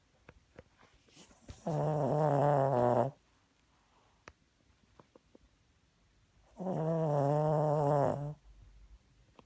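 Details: Two long, loud rattling snores about five seconds apart, with quiet breathing and small clicks between them.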